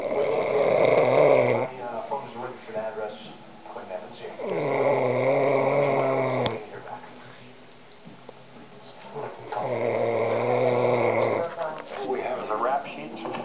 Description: my dad snoring in the middle of the day